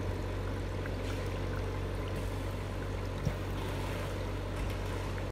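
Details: Oxygen concentrator (Kaneko Jay-5, 5 L/min) in use: steady low machine hum with continuous fine bubbling and trickling from the water-filled humidifier bottle; normal humidifier bubbling.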